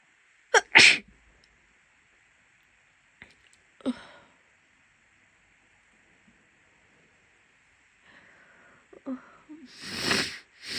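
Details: A sharp double sneeze, a softer sneeze, then another loud unstifled sneeze with quiet sniffing between: a sneezing fit in a woman with a lingering cold.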